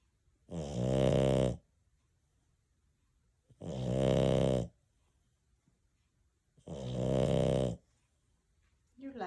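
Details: Snoring dog: loud, rattling, throaty snores about once every three seconds, each about a second, separated by silence; dog snoring.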